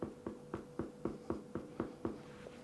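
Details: Finger percussion demonstrated on oneself: a hyperresonant percussion note.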